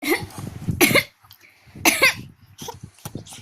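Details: An adult woman coughing: a few short, harsh cough bursts separated by brief pauses, with faint background noise.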